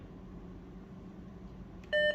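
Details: Philips HeartStart FRx AED in a training demonstration: quiet room hum, then a single clear electronic beep as the flashing orange shock button is pressed during the self-test's shock-button test.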